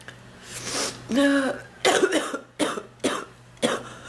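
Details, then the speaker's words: Adult woman with persistent cough, complaining of chest discomfort: a run of about five harsh, forceful coughs with throat clearing and brief breaths between, a repeated coughing fit. "Whoopee. No pun intended. I want to stop coughing, please. Oh, my chest."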